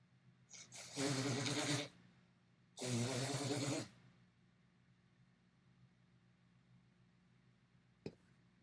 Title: Compilation of Mirror Sneezes